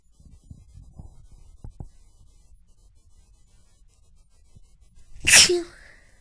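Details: Person's normal sneezes in a short sneezing fit: quiet breaths and a couple of small clicks, then one sharp, explosive sneeze.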